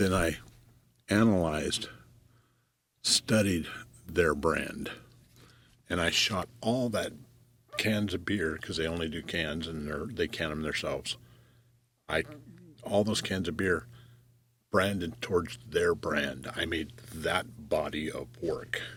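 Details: Adult male commercial photographer who says he stutters; long pauses and fragmented phrases; stuttering.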